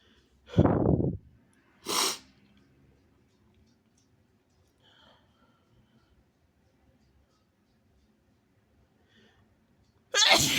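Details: Induced rapid sneezes: three sharp, explosive sneezes separated by quiet pauses, with soft breathing between them.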